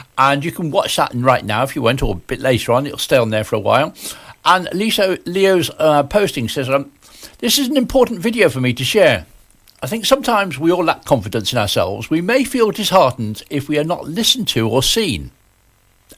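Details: Adult speaker, likely radio presenter; ordinary speech.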